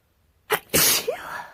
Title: Winter Cold sneezes